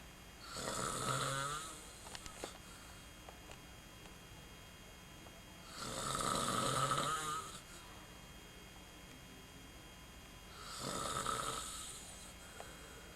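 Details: Recorded in 1995: three slow, loud snores on the in-breath, about five seconds apart, with quiet pauses and steady room hiss; snoring.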